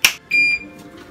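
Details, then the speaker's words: ASIO oxygen concentrator switching on: a click followed by a single short, clear electronic power-on beep. "इस तरह on हो जाता है"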